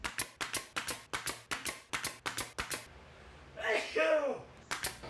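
A single loud, voiced sneeze after a run of rapid workshop tapping, with tapping resuming afterward.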